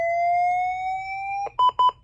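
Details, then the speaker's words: LifePak defibrillator charging to 200 joules for first shock in a pulseless shockable rhythm, training demonstration, skipping energy select: steady rising electronic tone, then two pulsed ready-to-shock beeps. "so I can actually without I can skip my energy select and I can just go ahead and go straight to charge which allows me to do this faster"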